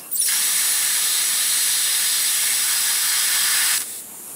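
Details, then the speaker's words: Dental suction on a practice tooth during a root canal demonstration, after the three canals are filed and irrigated with sodium hypochlorite, before paper-point drying: a steady loud hiss for about three and a half seconds as solution is suctioned. "so Beth is going to give me the irrigating solution and remember the irrigating solution is sodium hypochlorite which is bleach and water and we're gonna suck like all up into all three canals"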